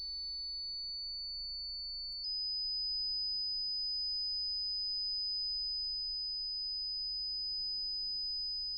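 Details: Simulated roleplay hearing exam: steady high-pitched pure-tone beeps, one pitch then slightly higher, played through headphones while the listener presses a buzzer on hearing them; pure-tone audiometry test tones.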